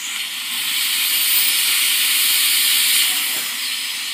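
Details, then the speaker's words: Chairside dental assisting demonstration, rubber dam, preparing mandibular tooth number 26 with high-speed handpiece while assistant holds HVE suction parallel: steady loud hiss with high whine of drill, water spray and suction. "hve always in your right hand and your suction needs to be parallel and once you just go through the soup we're working on"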